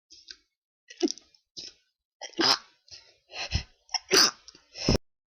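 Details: A pollen-triggered allergic sneezing attack during high pollen, with an attempt to announce the sneezes beforehand: a run of sharp nasal bursts and breathy catches, ending in a few stronger sneezes.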